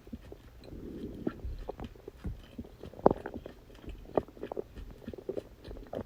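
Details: Adult's stomach growling (borborygmi) after eating birthday cake: irregular squelchy gurgles, soft low rumbling and scattered sharp clicks from the abdomen.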